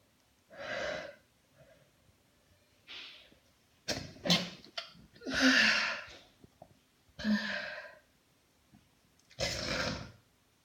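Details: Sneezing after a shower: a run of several forceful sneezes, each with a sharp breath in before it, in a quiet room; ordinary sneezing.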